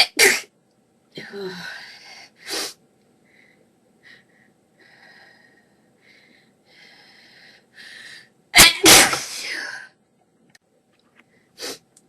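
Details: Sneezing fit with some coughs: several sharp explosive sneezes, some in quick pairs, with softer breathy sounds between: repeated sneezing.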